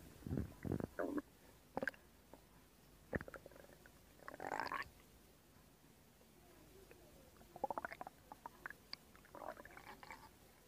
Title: Stomach Sound [Stomach Growling][ASMR] [2022-08-12] | Zhongwen ASMR